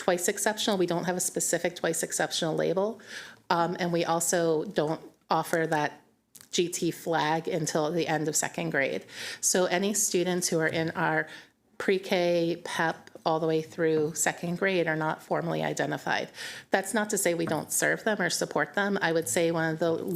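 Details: Adult woman speaking; normal speech.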